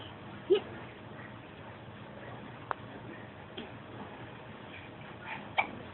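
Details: Infant crawling around and giggling with the hiccups, making brief, sharp hiccup sounds several seconds apart over quiet room noise.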